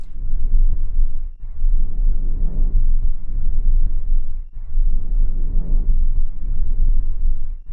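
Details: Vesicular breath sound heard on auscultation during a nursing-student physical examination of the posterior and anterior thorax; normal vesicular breath sound.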